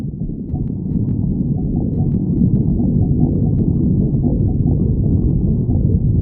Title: stomach growling 66